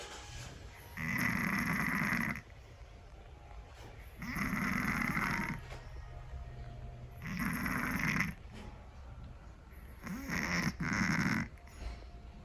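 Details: Scottish Fold cat snoring: loud, rough snores about 20 a minute, slightly irregular, with quiet pauses between; heavy snoring.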